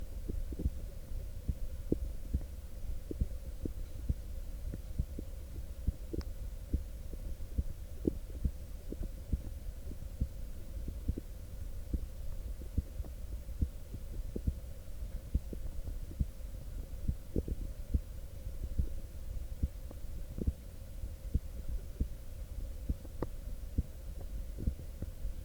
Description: This is a recording of a human heartbeat sound effect, captured using a stethoscope and USB microphone.